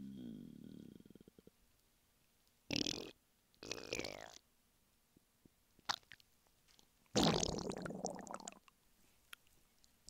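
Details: Male lying flat on his bed while hungry: several gurgling, squeaky bubbling bursts separated by quiet gaps. Borborygmi, hunger stomach rumbling.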